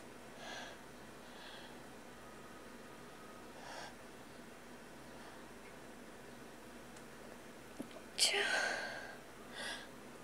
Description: Very tickly nose. A couple stifles in there as well.